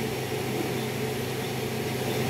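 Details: Laser hair removal on a client's face at medium speed 1.5, with cold air following the laser to cool the epidermis; client rates pain 5/10: steady airy whoosh with low hum from the laser unit and skin cooler.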